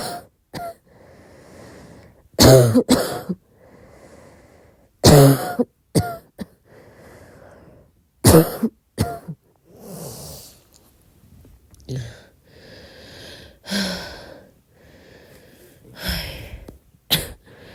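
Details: Coughing at midnight: several short, dry-sounding coughs and throat clears in a quiet room, some loud and sharp, others soft.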